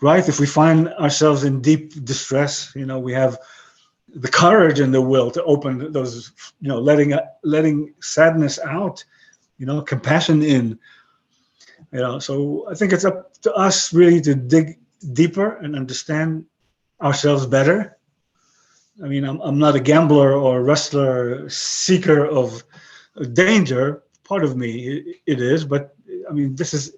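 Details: 62-year-old man with aphasia after a stroke about 11 years earlier; he lost his other languages but kept broken English and Hebrew; aphasia.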